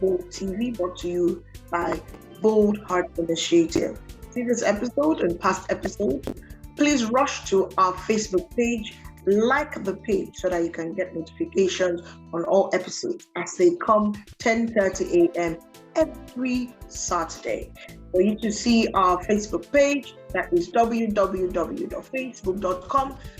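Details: Adult woman, presenter; ordinary speech.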